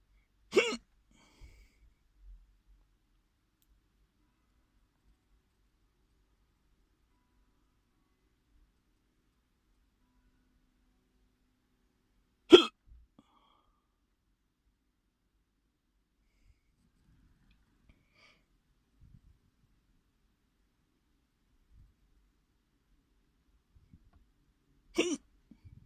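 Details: Three sharp, brief hiccups about twelve seconds apart, with near silence between them; strong hiccups while eating in a car.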